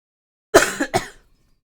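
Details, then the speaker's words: Person with long COVID and a persistent cough, also constantly tired; one short, harsh double cough or throat clear lasting well under a second. "um you know one of the side effects of um the long Co I've got the cough and I'm just tired all the time"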